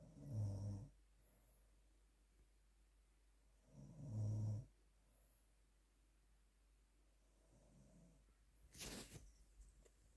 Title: Snoring demon